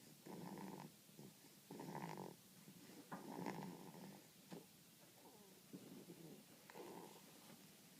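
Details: A 7-week-old baby makes repeated soft, rough, rattling snoring breaths in irregular bursts about every one to two seconds.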